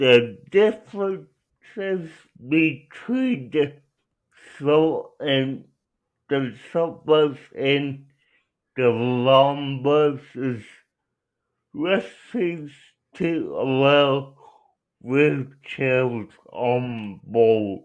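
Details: Adult with cerebral palsy; dysarthria (cerebral palsy).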